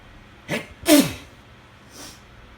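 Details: Sneezing fit while trying to sleep, possibly after cleaning day and a weather change: a short inhaled catch, then a sharp explosive sneeze and faint trailing puff over steady low background noise; three more followed.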